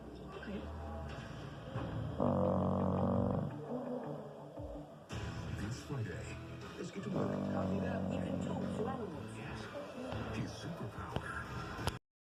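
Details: Snoring during sleep: two loud, rumbling snores about five seconds apart over a television playing in the background.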